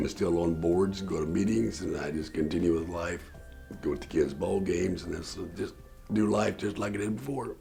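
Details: Total laryngectomy for throat cancer in November 2009 in a man, speaking with a tracheoesophageal voice prosthesis; tracheoesophageal speech after total laryngectomy.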